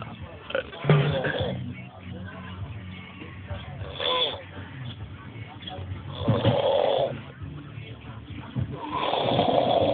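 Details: Seal snoring: loud rattling snores recur every few seconds with noisy breathing between them, with room noise and music in the background.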